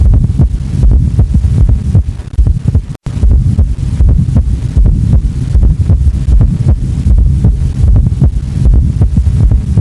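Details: Regular low-pitched heartbeats at about 77 a minute, with an extra soft sound just before each first heart sound; S4 gallop (atrial gallop) on cardiac auscultation.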